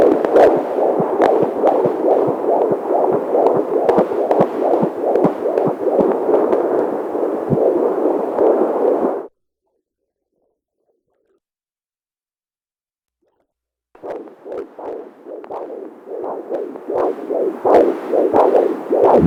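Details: Rapid, regular whooshing fetal heartbeat on a Doppler fetal monitor, about 140 beats a minute, a normal rate.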